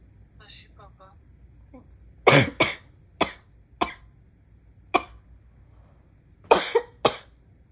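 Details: Nighttime stifled and failed-stifle sneezes while trying to stay quiet: a few faint breaths and catches, then a run of seven short, sharp, muffled bursts; stifled sneezes.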